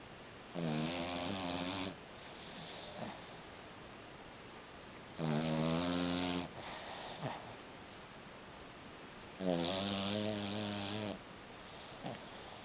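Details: Pet found asleep under a kotatsu blanket, eyes open, not waking when touched, snores loudly and rhythmically on each inhalation, about three in 12 seconds, softer breathing between.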